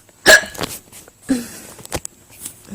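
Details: Three sharp, abrupt, loud vocal bursts about half a second to a second apart, each a sudden gulping catch, from a woman: repeated hiccups.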